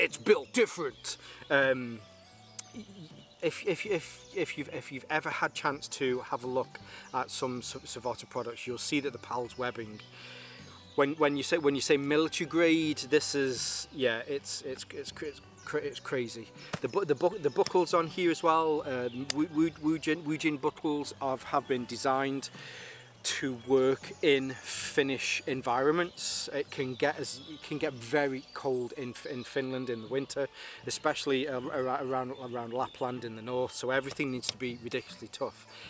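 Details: Adult male with a stammer he links to his anxiety, lingering but improving, helped by propranolol; stuttering.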